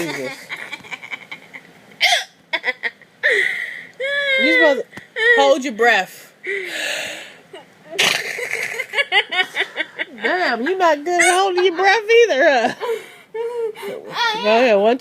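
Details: Girl laughing hysterically while hiccuping, repeated sharp squeaky hiccup catches breaking into the laughter; hiccups mixed with laughter.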